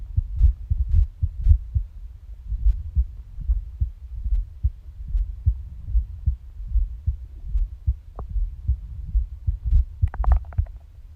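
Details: Irregular heartbeat with skipped beats: low thudding heartbeats with uneven spacing and occasional pauses, plus a gurgling stomach growl near the end, recorded alongside stomach growling.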